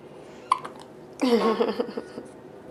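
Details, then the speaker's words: A baby girl's first bout of hiccups, just after her first big burp: a sharp hiccup followed by brief fussing sounds over faint room noise. "This is her first bout with hiccups."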